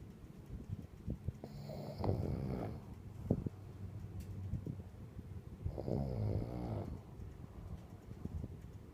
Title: I guess I do snore !!!!